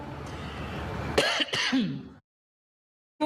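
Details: A president coughs while giving a speech in Zanzibar: two abrupt, harsh dry cough bursts, the second trailing into a brief throat-clearing sound.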